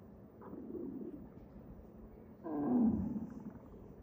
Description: bro how did my stomach make these noises. they're borderline inhumane... thank heavens everybody is sleeping or else i wouldn't know how to explain anything 😭 #stomachnoise